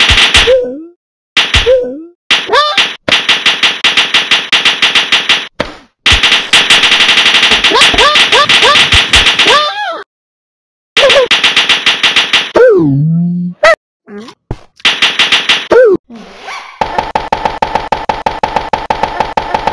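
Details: Person's own recording of a "talking seizure": rapid, repetitive staccato vocal bursts in runs with brief pauses and some rising-falling voiced sounds; ictal vocalization.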